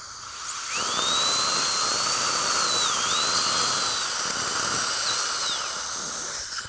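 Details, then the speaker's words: Dental surgical drill during live implant placement after prior extraction and bone graft: steady high-pitched whine dipping in pitch under load while leveling solid jaw bone to make a flat platform for the implant. "And we're going to level that bone a little bit. And what we're doing is just flattening the bone out a little bit to get a nice, good platform for the implant to go into."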